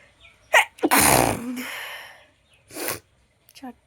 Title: Nose sneezing challenge. 👃👃 video //